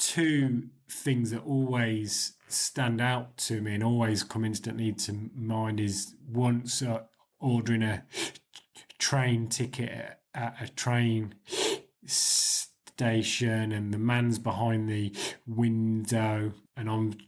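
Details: 40-year-old man with stuttering (stammering) since about age 4 or 5; he still has blocks, though fewer than before the Starfish Project.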